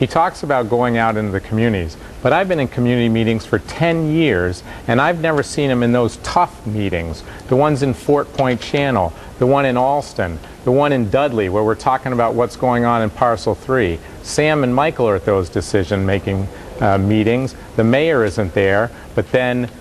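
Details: Adult male speaker; Normal fluent speech.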